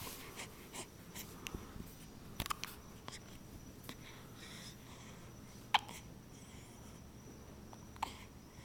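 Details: A one-week-old newborn with frequent hiccups: repeated soft, abrupt little catches, several over a few seconds, in a quiet room.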